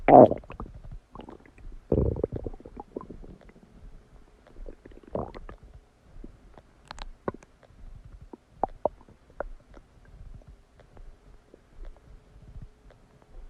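Irregular gurgling and rumbling bursts with quiet gaps: ordinary stomach and bowel digestion sounds after a meal.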